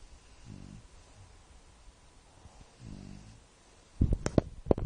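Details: A shar pei dog snoring with her head on a pillow: low, rumbling snores in two slow cycles, then a few sharp knocks or clicks at the end.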